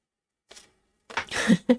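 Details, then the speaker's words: Cat sneezing in a quiet room, possibly from something irritating her nose: a faint puff, then a sharp hissing burst and a quick second snort. "Why are you sneezing like that? Oh dear. Probably something irritating her nose."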